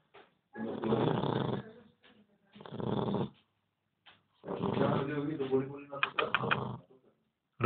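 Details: A 2-month-old Labrador puppy snoring while napping: rough, rattly snoring in repeated bursts, with a person's voice close by.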